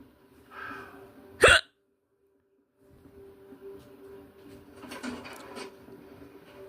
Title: listen to me violently hiccup #asmrsounds #subscribe #hiccupandtoothless #hiccups